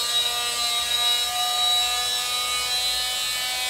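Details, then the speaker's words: Loud, steady high-pitched buzzing whine of an oscillating cast saw, which vibrates rather than spins, during cast removal at a hospital on a child of about 5 or 6; he is told it won't cut him. "doesn't spin, okay? It just vibrates and it won't cut you, okay?"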